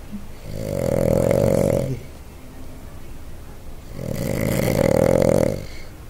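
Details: Boston Terrier snoring heavily: loud, rattling snores on each breath in, about two seconds long, with quiet pauses between them.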